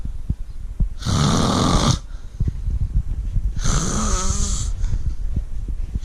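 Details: Man and cat napping together: two loud, rattly breaths about three seconds apart, the second with a low fluttering buzz, in a quiet room; snoring during sleep.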